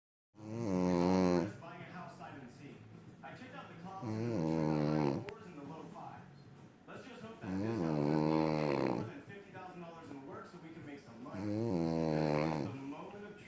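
Loud, rattling snores on the in-breath alternate with quieter out-breaths, about 16 breaths a minute, in a fairly steady rhythm; snoring.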